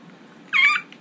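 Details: Vocal tic from Tourette syndrome in an 18-year-old male: a sudden cat-like vocal noise; tics waxing (worse) over the past week, sometimes set off by camera recording.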